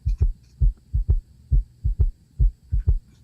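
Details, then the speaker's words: Simulated VR patient in fluid volume overload (RR 28, HR 104, low O2 sat, 3–4+ bilateral pitting leg edema): low thudding heart sounds with an extra soft S3 after S2, giving a gallop rhythm. "then listening to his heart I can hear an extra S3 sound which is typical for patients that have um fluid volume overload"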